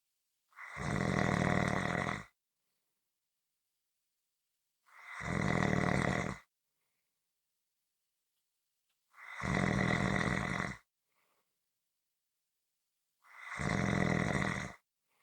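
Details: Deep, rattling snores roughly every four to five seconds, each lasting over a second, with quiet gaps between; snoring.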